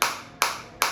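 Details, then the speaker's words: Focused (not radial) shockwave therapy device, penetration depth up to 7 cm, demonstrated on the operator's own body at intensity about 8 of a possible 15: sharp, regular clacking pulses about 2.5 per second, felt deep in the tissue rather than at the surface. "काफी अच्छी intensity आ रही है और मेरे बहुत अच्छे से अंदर देखो सरफेस से हिट नहीं कर रही है मेरे को अंदर फील हो रही है"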